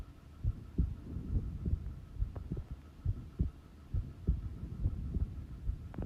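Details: Steady, regular low heartbeats at about 68 a minute with a faint hum behind, self-recorded at rest; normal resting heart sounds.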